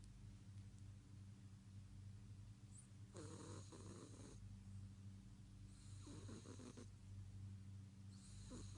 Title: cat snoring so loud